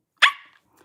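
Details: Involuntary barking vocal tic, which she says she can't control, from a 27-year-old woman with Tourette syndrome diagnosed at age 12: vocal tic (barking).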